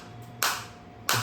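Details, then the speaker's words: Focused (not radial) high-energy shockwave therapy device demonstrated on the operator's own body, not on a joint, at intensity 8 rising toward 9–10: sharp loud cracking snaps, two in about a second, over a faint steady hum. "और आप ये sound भी सुन सकते हैं focus shop की इस तरीके से।"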